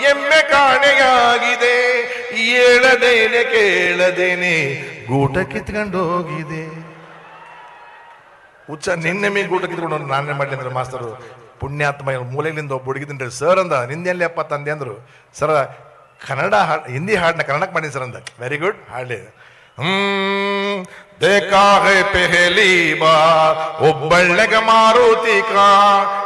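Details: Comedian imitating a schoolboy singing with a speech impediment (todalu, lisping or faltering speech) in a comedy routine; speech sound disorder (imitated).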